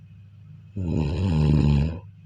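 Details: Sleep snoring: a single loud, low, rumbling snore lasting over a second during a breath in.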